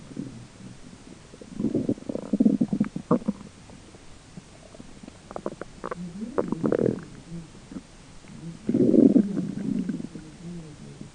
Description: This is just my belly grumbling away, but boy, I'd love to be that cat in the random picture :p